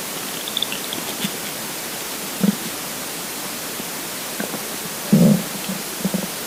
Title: Hungry Empty Stomach Rumbling Part 2 (22/10/2015)